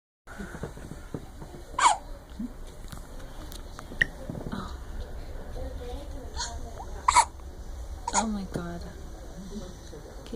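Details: 5-week-old infant girl: four sharp, abrupt hiccups over about ten seconds against a quiet room hum; infant hiccups.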